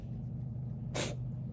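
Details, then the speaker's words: Pet with small nostrils, coughing just before, gives a single short, sharp sneeze over a steady low rumble; owner says it looks like an allergy attack. "non, on dirait qu'il fait une crise d'allergie, le pauvre."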